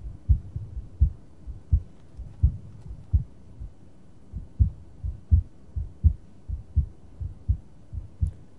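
Regular heart sounds at about 84 beats a minute, with a normal, harmless split second heart sound.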